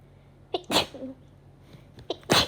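Two sharp, explosive bursts of air with a brief intake before each, typical of sneezes.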